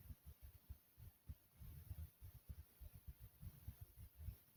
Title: Pumping Heartbeat Sound (earphones required)